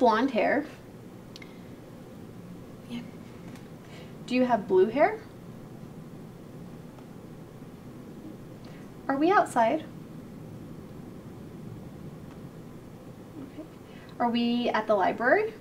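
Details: Adult woman, clinician; Normal speech (examiner).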